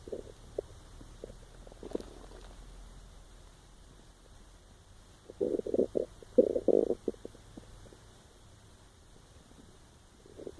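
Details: Person unable to sleep recording their own empty stomach: soft gurgling rumbles in bursts over quiet room hiss, ordinary stomach growling (borborygmi), a normal bowel sound.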